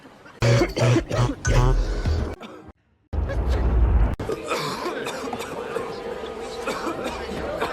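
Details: Acted coughs from a movie supercut of cinematic coughs and sneezes: several coughs and throat clearing from film scenes, with music and room sound behind.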